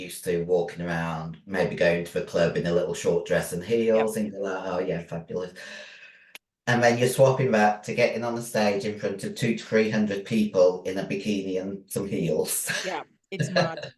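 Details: Female bodybuilder with androgen-induced voice deepening (virilization) after taking large doses of male steroids (performance-enhancing drugs). Her voice was formerly high-pitched and is now very deep, and she can no longer sing. She also has chronic kidney disease from drug use.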